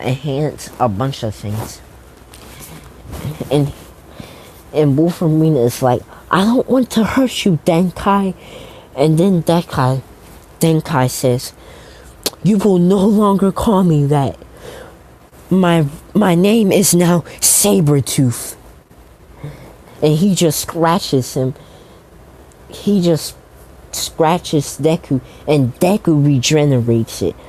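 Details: Stuttering in a man who says he stutters a lot, narrating a fan story.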